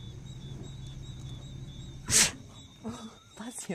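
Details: A single sharp, hissing sneeze burst, then softer snorting breaths, from a lion outdoors in Luangwa, Zambia, with insect noise; an ordinary animal sneeze.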